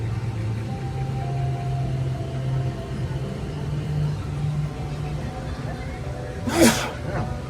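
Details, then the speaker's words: Single sharp sneeze from an adult man outdoors, over steady outdoor hum and faint music, with something repeatedly making him sneeze; sneeze. "Sneezing for some reason. I apologize."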